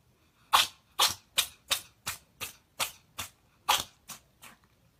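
A rapid run of about eleven short, sharp, hissing sneezes from a cat, each quickly following the last: a sneezing fit.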